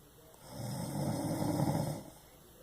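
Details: Snoring: one rough, rattling snore on the in-breath that rises and fades over about a second and a half, with faint room noise.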